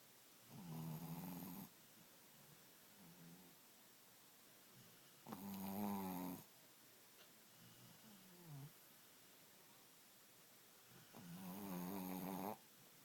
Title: Snoring puppy Thor